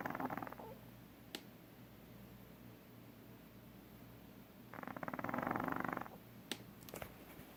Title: Marbles snoring like an old man